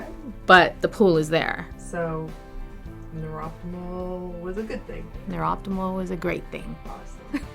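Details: Adult woman speaking; speech.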